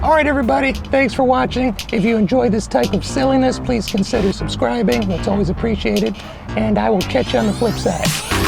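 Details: Adult man with a persistently high-pitched voice, untreated by choice; mutational falsetto (puberphonia).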